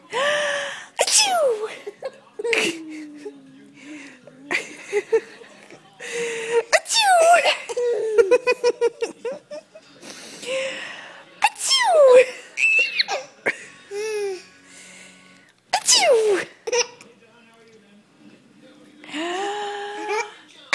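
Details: 10.5-month-old girl giggling and laughing after each of several playful fake sneezes; imitation sneezing, not a real sneeze.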